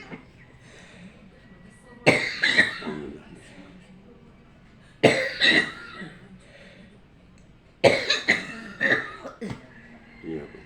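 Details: Three separate bouts of two or three harsh coughs each. An older woman coughs every night and has leg pain on waking; a doctor reportedly said allergy; chronic cough.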